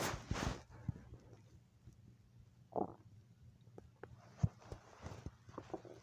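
Low gurgling rumbles and squeaks over a quiet background; ordinary stomach rumbling, linked to hunger.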